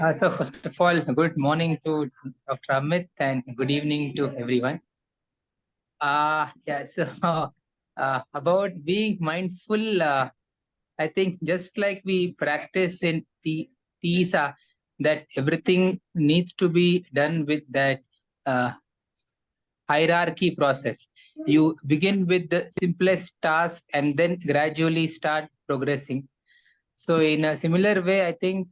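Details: Adult male in a stammering practice group, speaking English; he describes being mid-block and using pull-outs and cancellation techniques; stammering.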